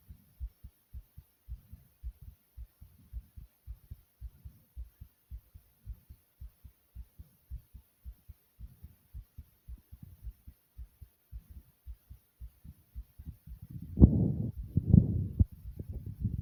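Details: Person's own heartbeat, labelled fast: steady, quiet low thumps at about 64 beats a minute, a normal rate, with brief rustling near the end.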